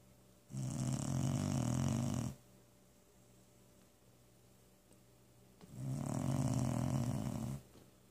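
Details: Male dog snoring: two long, deep, rattling snores separated by quiet pauses, about eight breaths a minute; ordinary loud snoring.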